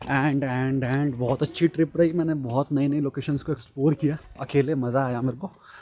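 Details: Adult man from India who calls himself a stammering speaker, summing up his Nainital trip in Hindi with repeated 'and'; stuttering.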